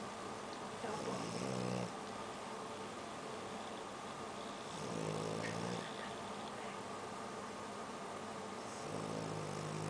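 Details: Three low, rumbling snores on the breath about four seconds apart, roughly 15 breaths a minute, over steady room hiss; ordinary snoring.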